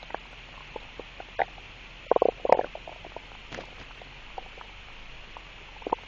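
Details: Stomach noise: scattered soft gurgles and short bubbling bursts of normal stomach rumbling over quiet background hiss; borborygmi.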